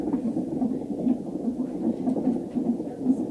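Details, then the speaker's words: Rapid, steady whooshing thumps of a fetal heartbeat on an external Doppler fetal monitor used in labor, heard once the machine volume is up; normal fetal heartbeat. "but all of a sudden then you hear a dun dun dun and i'll actually play it for you here what it sounds like"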